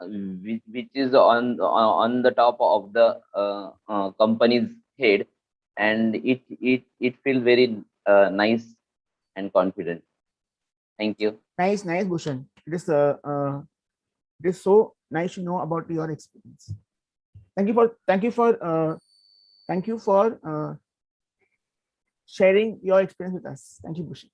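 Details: Adult male who has stuttered since childhood, had therapy in 2010, and is working to overcome it; stuttering.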